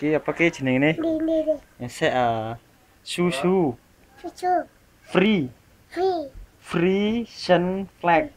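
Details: Child who cannot pronounce the letter r, repeatedly failing to say the target phrase (owner calls it stuttering); articulation difficulty with /r/ (rhotacism).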